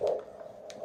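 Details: Doppler arterial pulse signal with restored flow, during paramedic testing of a Snake Staff tourniquet.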